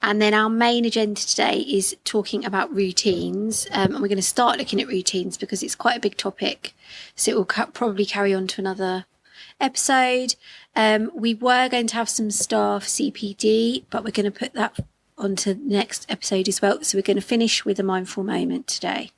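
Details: Adult woman speaking; Normal speech.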